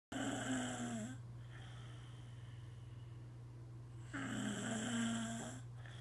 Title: Caught snoring